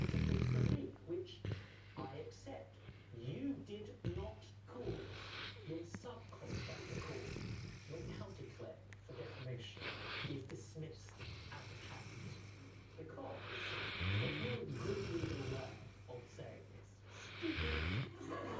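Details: Sleeping St Bernard–mastiff puppy with its tongue hanging out making irregular low, rattling snores and snorts.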